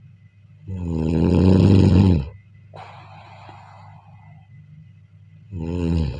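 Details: Loud, deep, rattling snores on each in-breath with quiet out-breaths between them, heard during sleep: heavy snoring.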